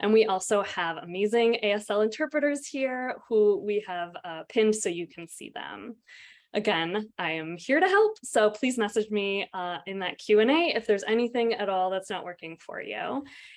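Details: Adult woman; typical speech.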